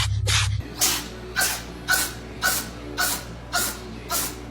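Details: Cat sneezing: a run of about seven quick, sharp sneezes, roughly two each second, after a short burst of added sound effect.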